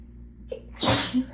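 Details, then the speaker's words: Short in-breath then one forceful explosive sneeze, part of a sneezing fit triggered by getting cold after the hot water ran out; sneeze. "okay hold on i might just have to get the sneezes out first and then talk"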